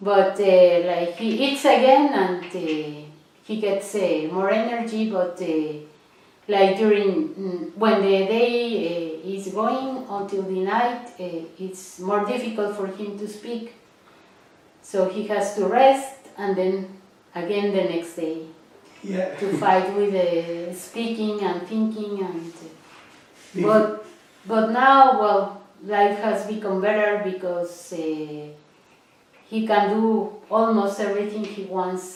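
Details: Adult woman speaking; normal speech.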